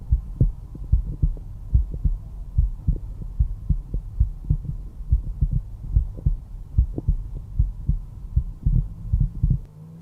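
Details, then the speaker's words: Normal heart sounds at the mitral area, fifth intercostal space midclavicular line: regular lub-dub at about 73 beats a minute. "Both the tricuspid and the mitral valve control blood flow from the atria to the ventricles, and when they contract, they create that first heart sound that you can hear, the lub, lub, lub, lub."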